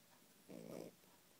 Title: Snoring Yorkie